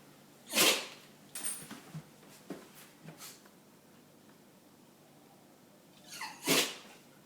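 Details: Dog sneezing in a quiet room: several short, sharp sneezes, two louder bursts with softer snorts between.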